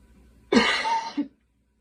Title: Girl coughing 294